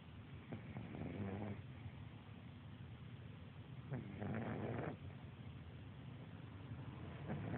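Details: Sleeping pug, a small flat-faced dog: low, rough rattling sounds in slow bursts every few seconds over steady room noise; snoring.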